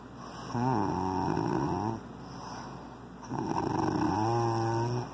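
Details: Snoring: two long rumbling snores with a rattling, pulsed tone on each breath in, separated by quieter breathing out.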